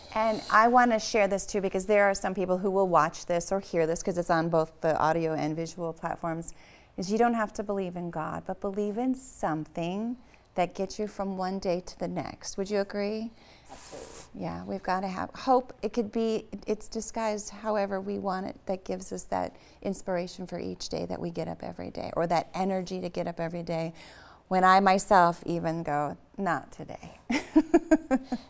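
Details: Adult woman speaking; ordinary speech.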